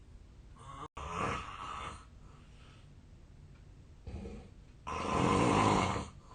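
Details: Real archived home recording, made 8 years ago when thinner, of a Japanese adult's loud sleep snoring: two rough snores, the second longer and louder, with quieter breathing between; a long-standing sleep disorder is suspected.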